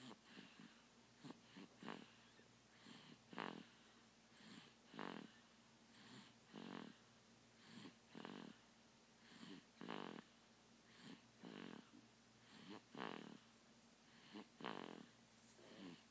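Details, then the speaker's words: Baby snoring: soft, irregular snuffling snores in short bursts at roughly 18 breaths a minute, over a steady background hum. "That's Brack's baby snoring."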